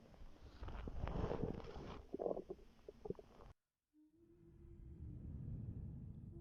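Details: Bowel sounds in a pregnant woman, relaxing before contractions began: low gurgling rumbles and brief squelches, then a short gap and a soft steady drone; stomach growling.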